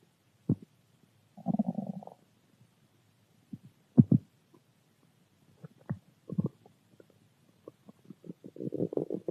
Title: Stomach growl